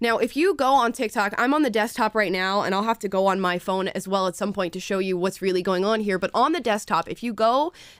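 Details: Adult woman speaking; Normal speech.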